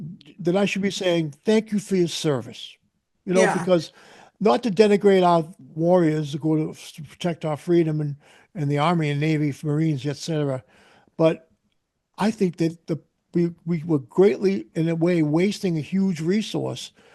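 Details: Adult man speaking; Typical adult speech.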